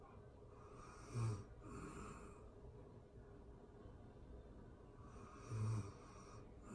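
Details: Real-time recording of a person asleep: two low rattling snores about four seconds apart, with quieter breathing between them against a steady background hiss; ordinary snoring.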